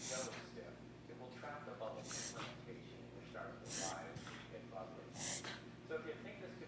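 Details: Video made for a vet, as the owner is unsure whether this is reverse sneezing or needs an office visit: repeated harsh, snorting breaths drawn in through the nose over quiet room noise.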